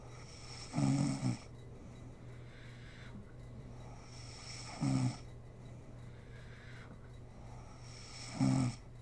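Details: Adult woman (mother) asleep, recorded for ASMR: three short rattling snores at regular intervals, about 17 a minute, over steady low room hum; ordinary snoring in sleep.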